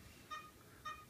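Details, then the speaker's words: Anaesthetic monitor during a male puppy's desexing (neutering) surgery, dog on intravenous fluids: two brief electronic beeps about half a second apart; monitor measuring blood pressure and heart rate, both reported good. "one of the things the monitor is doing in the background is measuring blood pressure at the moment blood pressure is good heart rate is good"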